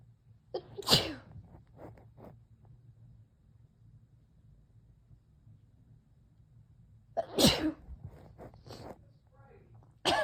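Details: Female with May seasonal allergy after weeding: two loud explosive sneezes about six seconds apart, each followed by sniffing and breathing; repeated allergic sneezing.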